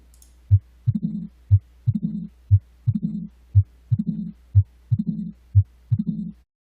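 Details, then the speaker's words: Mitral stenosis murmur example: regular heartbeat at about 60 a minute with a crisp loud S1, then after S2 an opening snap and a low diastolic rumble. "In diastily and mitro stenosis, what you will hear is an opening step followed by a diastolic rumble which is the murmur of mitro stenosis."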